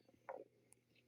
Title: stomach growling 2